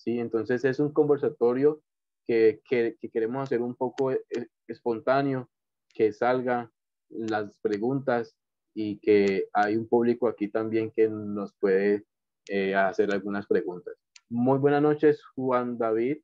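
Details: Adult man who has stuttered since childhood and adolescence; stuttering.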